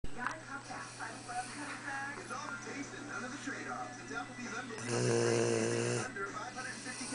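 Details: Tired dog snoring in sleep: one loud, rattling, buzzing snore lasting about a second over television talk and music.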